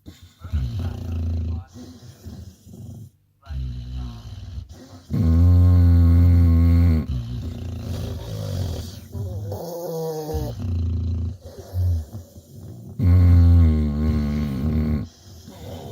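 Loud, deep, rattling snores with long drawn breaths and snorting, about eight a minute and uneven, from more than one sleeping dog.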